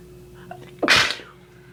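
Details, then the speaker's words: Adult sneezing after tickling the nose with a Q-tip, then saying the sneeze hit the floor and that she is really congested: a sneeze. "e did you hear it hit the floor I sneezed and it hit the floor wow okay I'm really congested now"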